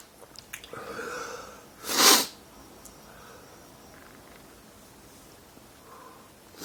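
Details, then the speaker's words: Adult man with daily allergic sneezing (5–50 times a day since 2011; doctor says allergic to dust, pollen, trees): a drawn-in breath, then one loud, explosive sneeze, then quiet; single ordinary sneeze. "And that's your daily sneeze. Whoa."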